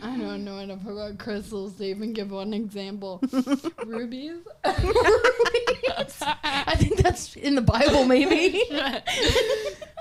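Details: 26-year-old woman with Friedreich's ataxia, a progressive genetic nervous system disease affecting her coordination and walking; ataxic dysarthria.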